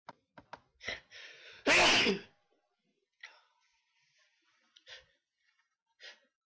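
Quick indrawn breaths build to one loud, explosive sneeze, followed by quiet breathing and small sounds.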